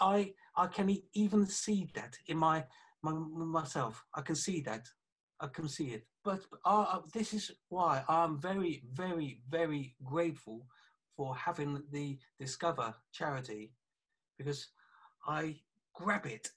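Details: 48-year-old man with aphasia affecting communication after a stroke about three years earlier (January 2017), with right-sided weakness of hand and leg; aphasia after stroke.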